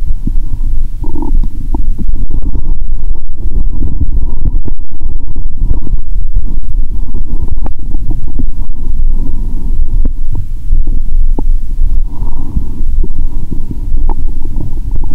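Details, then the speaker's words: Abdominal sounds, belly said to be distended: continuous deep rumbling and gurgling with scattered small pops and bubbles; active bowel sounds (borborygmi). ""Bụng chướng lên rồi !!"."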